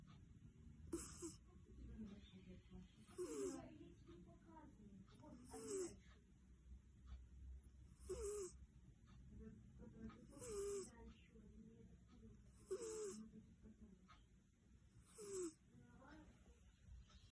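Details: Soft, irregular snoring breaths with a faint whistling edge from a sleeping cat, about 25 a minute, over low room noise.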